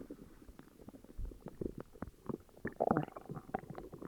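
Continuous low gurgling and rumbling with bubbly pops; stomach growling from an upset stomach.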